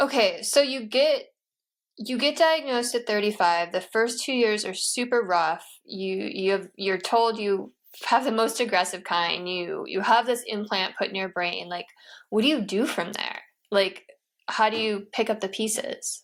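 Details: Adult woman speaking; normal speech.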